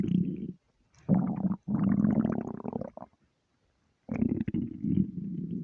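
Long, loud, low growling rumbles in several runs from an empty stomach; ordinary hunger noises.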